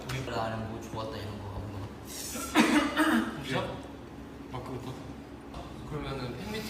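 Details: Adult male singer talking in Korean gives a single short, dry cough amid casual voiced sounds and soft background talk.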